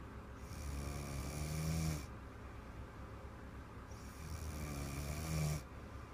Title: Little Girl BIG Snore !